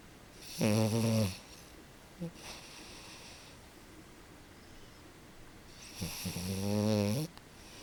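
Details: French bulldog napping on a couch, a habitual snorer: two loud, rattling snores about five seconds apart with quiet breathing between; snoring.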